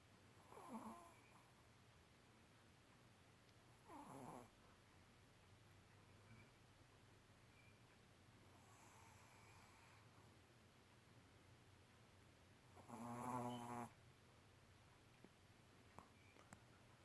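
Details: Soft rasping breaths every few seconds with one louder snort-like breath, from a sleeping Chihuahua that is dreaming, twitching and eye rolling; snoring.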